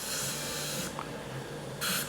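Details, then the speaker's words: New patient dental check-up: steady hissing bursts of air with a brief pause as a dental air syringe blows air around all the teeth to dry them before charting. "so open really wide going to blow some air around all your teeth okay and then we'll go through a charting and I'll explain everything at the end"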